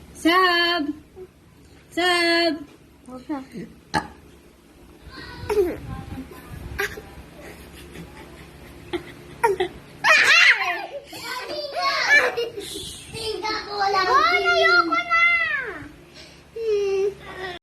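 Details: Baby being burped: short fussing cries with a few burp-like sounds and adult voices nearby; an ordinary infant cry.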